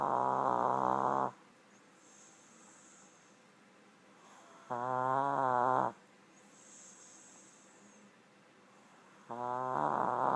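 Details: Shih tzu snoring: loud buzzing, vibrating snores about 13 breaths a minute with quiet pauses between; ordinary dog snoring.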